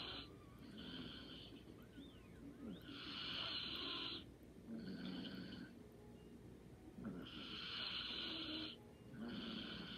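Soft, regular snoring on breaths in and out, about 14 breaths a minute, in a quiet room.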